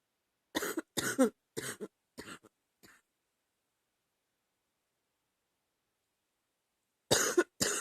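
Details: An adult, sick last summer, coughs in a run of five bursts that fade, then two more, with a loose sound; a mild chesty, productive cough.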